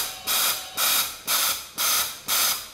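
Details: High-frequency jet ventilation via soft-edged transparent face mask using a Paravent ventilator with multi-jet generator (usually size 10), a noninvasive method for pulmonary edema or respiratory failure: rapid rhythmic gas hisses at about 120 per minute.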